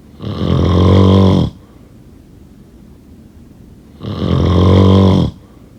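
Two loud, rattling, buzzing inbreaths about four seconds apart with quiet between; heavy snoring.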